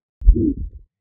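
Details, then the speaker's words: Teaching example of a heart murmur on auscultation: one low heart thump followed by a soft, sustained whooshing sound of turbulent blood flow. "Turbulent blood flow can create an audible whooing sound on oscultation."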